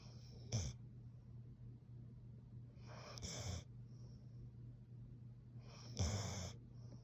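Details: Sleeping Plott hound mix dog snoring: three short snorting, whistly breaths over a low hum, a cute little snore.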